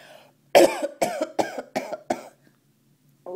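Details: A quick run of five voiced coughs from an adult mother in a quiet room while her baby girl laughs at the coughing: cough.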